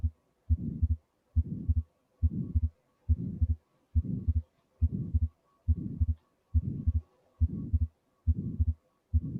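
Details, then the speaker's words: Heart sound recording played in a cardiovascular examination teaching session; regular heartbeat at about 70 a minute with a prolonged noisy component filling much of each cycle, suggesting a murmur, over a low background hum. "now to the recordings and enjoy a few minutes of hard sounds"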